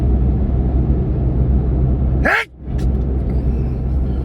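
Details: Adult sitting in a moving car: over steady engine rumble, a single sharp, forceful sneeze with a brief rising intake, then a short quiet gap; sneeze.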